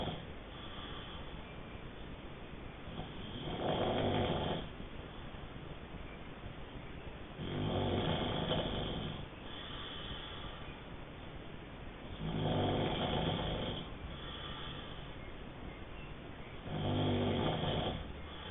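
Regular rumbling snores about 13 a minute, each breath a rough vibrating sound with quieter gaps between; ordinary snoring.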